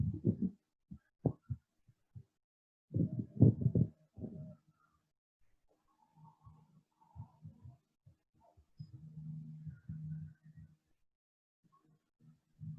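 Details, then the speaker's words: Pericardial friction rub: low, scratchy, grating heart sounds. "so this is the sound of a heart that has a friction rob pericardial friction"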